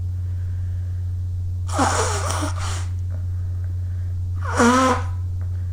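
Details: Two short voiced bursts, sneezes or nose-blowing, over a steady low hum; done after an early-morning run in cold air.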